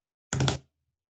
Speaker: notice those extra sounds are not the same as a murmur they're called extra sounds now they occur during diastole during the filling phase okay